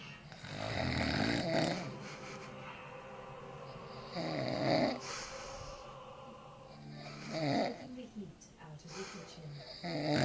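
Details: Drunk father snoring in deep sleep after too much beer: loud, rattling snores about every three seconds with quieter breathing between them.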